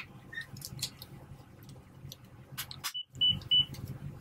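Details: Clicks and handling noise, then three short high beeps as the cassette is loaded into an Alaris MedSystem III IV infusion pump during critical care transport setup of sedation infusions (fentanyl, Versed), after a flush at 20 mL rate.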